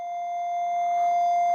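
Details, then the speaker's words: Steady high-pitched continuous apnea alarm tone from a Lifepak 15 cardiac monitor during a 12-lead ST-monitoring training demonstration. "Oh, I got an apnea alarm. Let me take this off."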